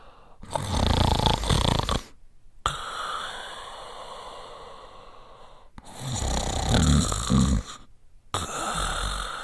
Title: French Spaniel Sleeping & Snoring